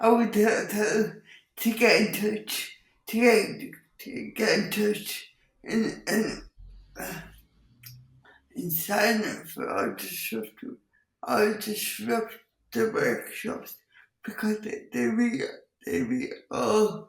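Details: Dysarthria in an adult woman with cerebral palsy, who also has involuntary movements and uses a wheelchair.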